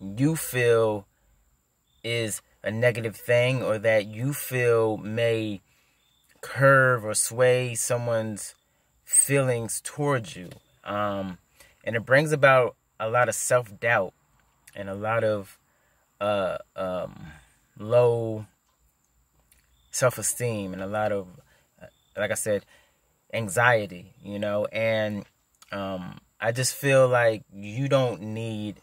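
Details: Adult male who stutters; stuttering.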